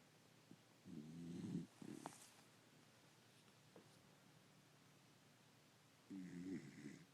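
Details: Dog fast asleep on owner's lap: two short, rattling snores several seconds apart in a quiet room. Snoring.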